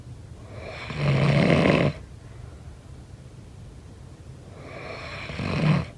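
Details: Two loud, rough inhaled snores during sleep, about four seconds apart, with quiet breathing between; snoring.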